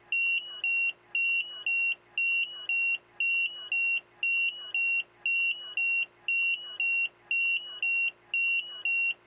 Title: Icu Alarm / ICU Alarm 02